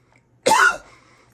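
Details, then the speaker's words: Adult coughing after smoking marijuana (Las Vegas weed) during a reaction video: a single harsh, explosive cough burst with a short rough tail. "bro the name of this video should be the gas was too strong i almost died because that's what the [ __ ] just happened"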